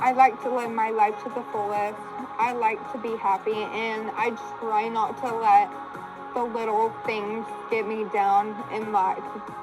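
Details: 22-year-old woman with Friedreich's ataxia, a progressive condition causing coordination loss in all her muscles; ataxic dysarthria.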